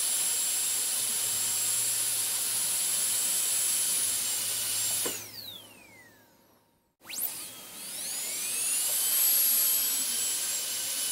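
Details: High-pitched steady whine winding down to silence, then spinning back up: a dental drill switched off and on, in an ASMR sleep-sound recording.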